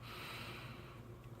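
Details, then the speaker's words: Adult man sick in bed with suspected food poisoning: low, rough, rattling breath with a steady buzzing pitch, heard from across a quiet room; snoring. "he is currently not feeling well and laying in bed snoring so if you can hear him I do apologize"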